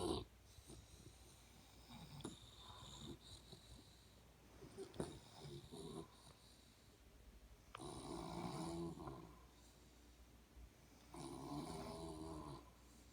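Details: Several rumbling snores of varying loudness, some overlapping, one or two breaths every few seconds, from two people, a person and their dad, snoring together in a quiet room; snoring.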